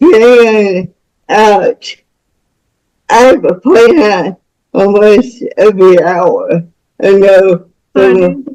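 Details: Speech of a woman nearing 49 with cerebral palsy from birth, born with the umbilical cord around her neck five times. The speech disorder is not specifically named (dysarthric speech).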